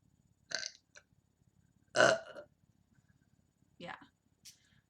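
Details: Deliberate ASMR burping during casual talk: several short voiced belches in a quiet room, the loudest near the middle.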